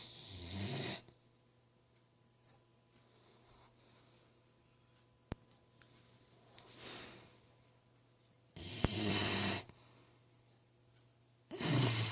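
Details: Snoring: noisy, hissing breath sounds recur every few seconds in a quiet room, with snorting on inhalation.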